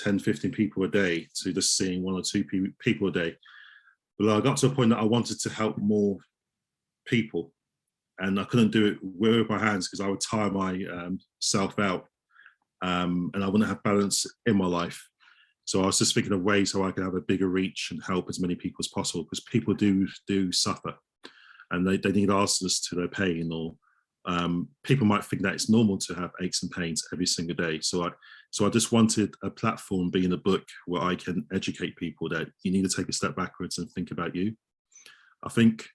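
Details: Adult male osteopath who stammers, with audible word repetitions; stuttering.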